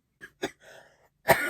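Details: 42-year-old woman on day 3 of a cold, no fever or sore throat, voice improving but dry cough worsening; three short dry coughs with brief throat-clearing, no wet rattle; dry cough.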